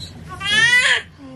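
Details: Newborn girl born vaginally at 38 weeks after a membrane sweep: single loud, high, rising-then-falling wail just after birth, a normal newborn cry.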